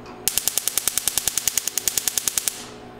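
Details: Rapid, evenly spaced sharp snapping clicks, about ten per second for two seconds, from a Quanta Q-Plus C Q-switched tattoo-removal laser firing pulses to demonstrate its pulse speed.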